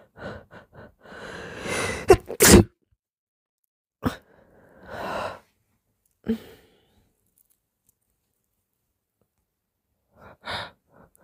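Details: An adult gives several very wet, sharp sneezes, each after a short drawn-in breath, with soft moaning in between; ordinary sneezing.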